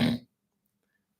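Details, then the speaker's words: Imitated nasal snoring: a single brief, rough snort through the nose, followed by silence. "and then the second form of snoring is through the nose and it goes like this"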